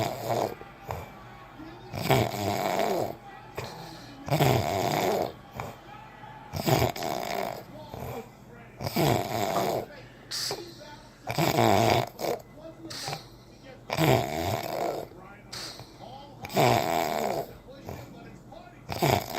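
Steady, loud, rattling snores about every two and a half seconds, roughly 26 a minute, with quiet gaps between.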